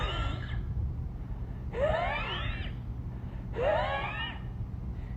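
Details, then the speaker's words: Imitation, not a real patient: a doctor's adult voice mimics wheezing, three high, musical, whistling breath sounds with rising pitch, as heard in bronchiolitis with RSV or in asthma. "Compared to wheezing, which is going to be very musical and it's going to be like this."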